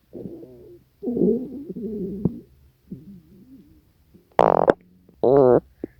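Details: Hunger stomach growling recorded from the person's own belly: low, wavering gurgles and squeaky rumbling growls in bursts; normal borborygmi.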